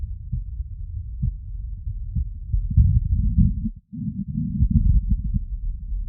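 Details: Heart sounds on auscultation with CS-417 phonendoscope and electronic stethoscope.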